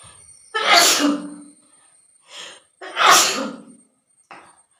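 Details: Sneezing challenge, with sneezes induced by long grass, a handkerchief and spicy cooking: two forceful sneezes, each with a sharp intake and an explosive burst, then a quieter breath, over a faint whine; sneezing.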